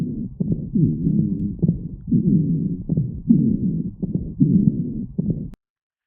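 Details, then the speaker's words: A 7-month-old infant with bronchiolitis breathes fast with musical wheezes, scattered crackles and increased work of breathing. "As the as the disease progresses, we will hear whe crackles and increased work of breathing. Here is a recording of someone of a seven-month-old with bronchilitis."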